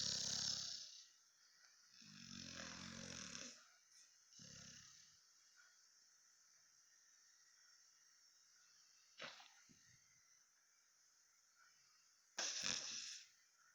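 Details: Sleeping Cane Corso guard dog: rough, rattling snores with quiet pauses and a few snorting breaths between.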